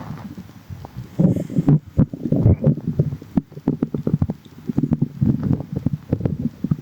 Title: water in tummy | stomach growling